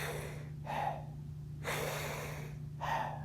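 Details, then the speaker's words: Soft rustling breaths through a stethoscope, inspiration longer than expiration: normal vesicular breath sounds, shown for comparison with the tubular breath sounds of neonatal respiratory distress syndrome. "normally when we put a stethoscope on the lung we do not hear tubular breast and we hear vesicular breaths and they likely they sound like this"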